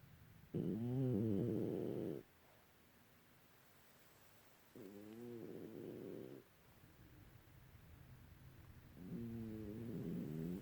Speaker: Hi, Mama. Did you know you was snoring? Did you know?